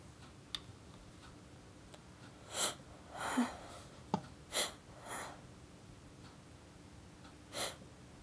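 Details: About five short nasal sniffs and snorts from a woman in a quiet room after she induced a sneeze with a pencil point, building toward a sneeze that never comes; pre-sneeze sniffing.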